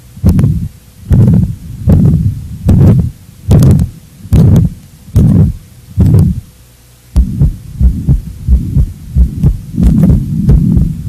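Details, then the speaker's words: Heart murmur from a valvular lesion in a cardiovascular auscultation teaching recording: regular heartbeat near 73 a minute with long, rough whooshing sounds filling the beats, vibrations from turbulent blood flow across a diseased heart valve. "os outros são vibrações decorrentes de alterações do fluxo sanguíneo viscosidade e turbilhonamento que ocorrem principalmente nas lesões valvulares vamos ouvir agora os sons correspondentes as principais lesões das válvulas cardíacas"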